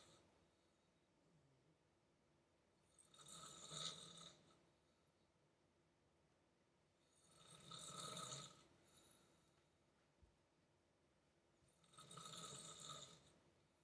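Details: Very loud snoring from sleeping adult parents: three rough inspiratory snores, about 14 per minute, with quiet pauses between them in a small room.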